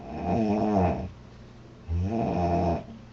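Two loud, rough, low fluttering snores on the in-breath, separated by a quiet pause; plain snoring.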